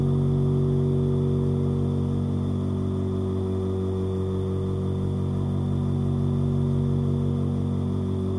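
Continuous low electric motor hum with steady buzzing: a nebulizer motor running.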